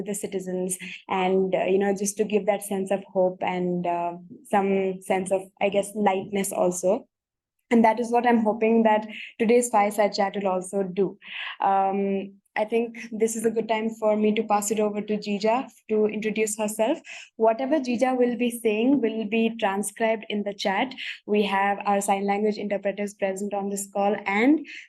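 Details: Adult woman; typical speech.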